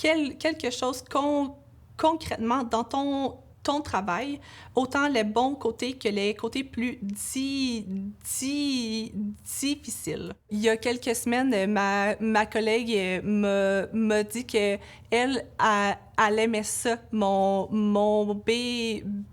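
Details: Adult woman, a laboratory supervisor who stutters, with sound and word repetitions; stuttering.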